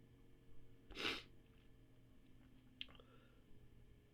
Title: Birthday Sneezes